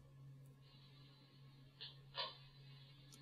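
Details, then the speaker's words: Simulated crackle from liquid plug rupture: when surfactant is reduced or malfunctions in sick lungs, the airway liquid lining forms small plugs that move back and forth with breathing and pop. "then what happens is that the liquid lining in your Airways will form a little plug and because you breathe the plug moves back and forth and when they pop they"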